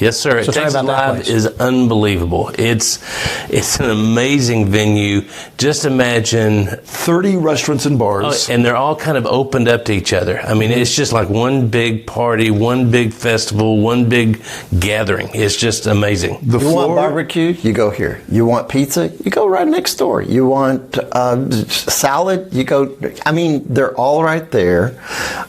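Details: Adult male speaker; normal speech.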